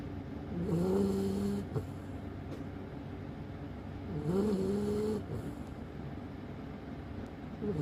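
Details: Golden retriever puppy snoring: two drawn-out, tonal, whistling snores on breathing in, about 17 breaths a minute, over steady background hum.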